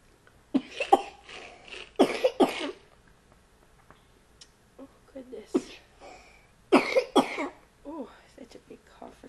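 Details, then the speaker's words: A small child's cough ("such a little Boo-Boo"), just woken; the parent notes the baby's ongoing cough "is not fun." "cough for such a little Boo-Boo. Yes, this cough is not fun."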